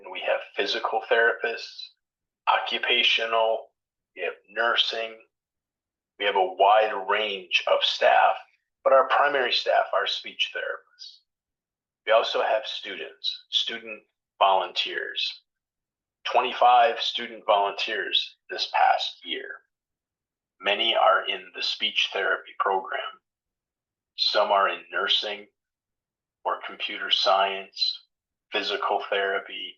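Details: Adult male speaker; Normal speech.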